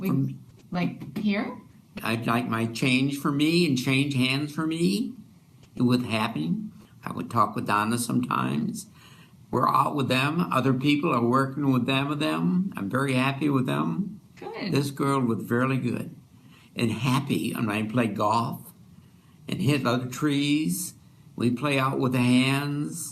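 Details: Adult man with fluent Wernicke's aphasia, speaking in conversation; Wernicke's aphasia.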